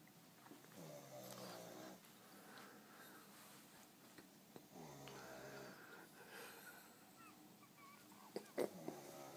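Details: A man snoring heavily: rough, rattling snores on the in-breath, two long bursts, with faint room noise between them.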